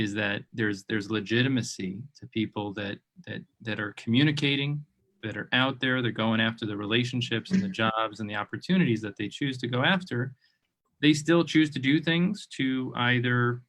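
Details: Adult man speaking; typical speech.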